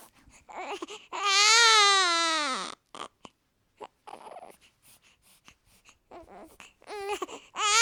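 Loud, high-pitched newborn crying in long wailing bursts separated by short breaths and whimpers; an ordinary newborn cry.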